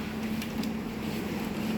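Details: A suction machine switched on for a demonstration runs with a steady low motor hum and constant whir.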